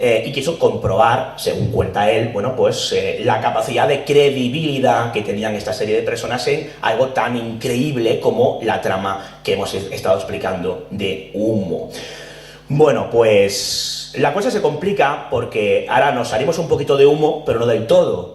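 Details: Adult male speaker, lecture; normal speech.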